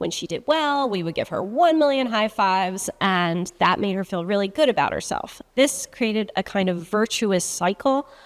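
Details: Adult woman speaking; normal fluent speech.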